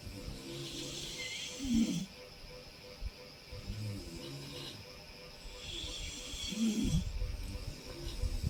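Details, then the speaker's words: Husband's heavy snoring at 3 a.m., keeping the wife and baby awake: two loud, low, rattling breaths about five seconds apart over faint background music. "শুনে এটা আমার হাজবেন্ডের নাক ডাকা।"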